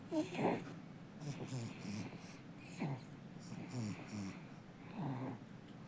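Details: Sleeping baby snoring contentedly; soft, rhythmic nasal snoring sounds in a quiet room.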